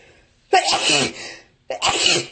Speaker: Ew. I love sneezing. Sneezing for you.